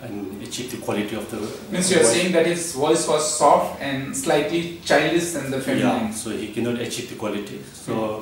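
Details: Adult male speaker; normal speech.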